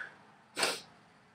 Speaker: yes I got a sneeze on film my sneezes sound like cops